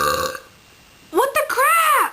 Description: so everyone liked the burping video i made, so here's another one.